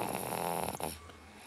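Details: Baby snoring.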